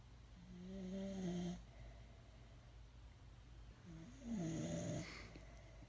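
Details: Sleeping Pit Bull snoring: two drawn-out, whistling, nasal snores over a steady hum of background noise.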